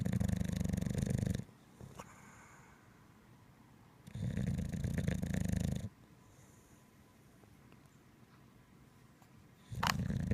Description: Funny video of Winston the Bulldog snoring while in a deep sleep.